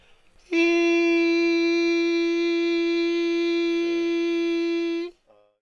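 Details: Normal voice from a completely normal larynx with white, straight vocal cords and symmetric, even, periodic vibration.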